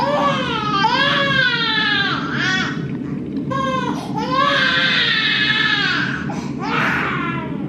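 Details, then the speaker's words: 3-month-old baby girl crying hard at night, screaming even when held or offered a pacifier: loud, high-pitched wailing in long rising and falling bursts with brief gasps; infant crying. "she just acts like that like even when we hold her try to put her pacifier in she'll still just like sometimes scream like that"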